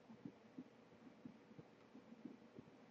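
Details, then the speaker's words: Heartbeat audio file loaded into Audacity: soft, regular paired heart thumps at about 60 beats per minute under a steady hiss. "I'm going to load up a heartbeat next so file open and heartbeat and make a copy of it"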